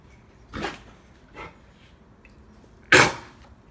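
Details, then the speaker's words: Adult dog with kennel cough (canine infectious tracheobronchitis): three short, harsh coughing bursts, the last loudest; cough can progress to retching of saliva or food, often mistaken for choking on a bone or stick. "кашель вплоть до рвоты часто человек путает с тем что собака подавилась костью или палочкой и собаку так кашляет потом арвет слюной или пищей"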